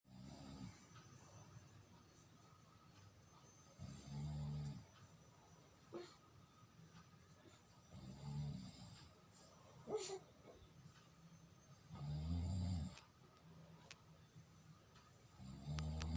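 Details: Snoring father during sleep, low rumbling snores on each in-breath at about 16 breaths a minute with quiet room noise between; steady snoring.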